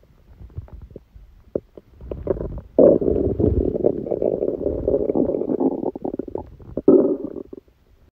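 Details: Low gurgles building into a sustained loud rumbling growl with bubbling pops: active bowel sounds (stomach rumbling) during a stomachache after Christmas dinner, recorded while the person slept.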